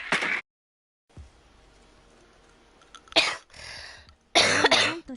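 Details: Girl with a sore throat who says she wants her cough gone, coughing while gaming: three harsh, dry coughs separated by pauses, with faint room noise between them.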